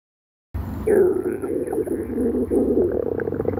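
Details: Stomach growling: loud, drawn-out low gurgling growl with a croaking quality; ordinary stomach growling (borborygmi) from gas and fluid moving through the gut.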